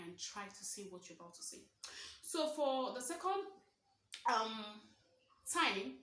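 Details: Stuttering (stammering) in a woman of about 23 who identifies as a stammerer, speaking naturally about her own experiences; real, not acted.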